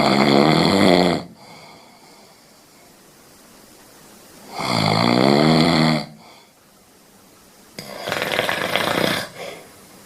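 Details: Loud, rattling snores on each breath in, then a noisy rushing breath out, roughly every four seconds: heavy snoring in bed.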